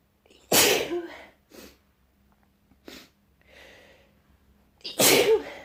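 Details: Person with a mild cold who woke with a nose tickle, sneezing in the morning. Two loud, explosive sneezes with sharp in-breaths and softer breathy sounds between them: sneezing.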